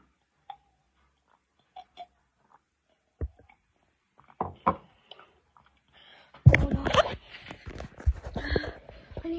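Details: After eating a bite of hot chili pepper: quiet chewing, then sudden loud harsh spluttering coughing fit; irritant-induced cough.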